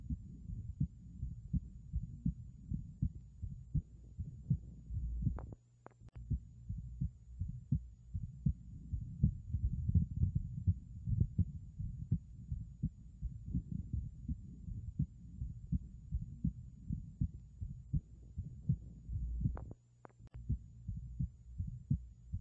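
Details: Stethoscope heart sounds at about 82 beats a minute with an abnormal quality, from a bicuspid aortic valve (BAV); abnormal heart sound.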